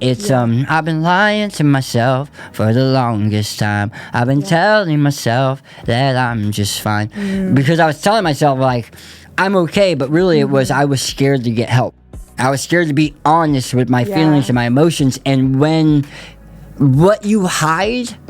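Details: Adult man who lost 80% of his tongue to stage 4 cancer; he reports a lisp and expects his speech not to return. Glossectomy speech (post-surgical articulation disorder).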